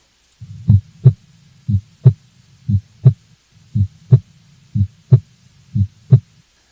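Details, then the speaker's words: Teaching example of normal heart sounds: regular lub-dub S1 and S2 pairs at about 60 a minute, each pair followed by a longer diastolic pause, for telling systole from diastole. "so try to do that now as we listen to the two normal heart sounds"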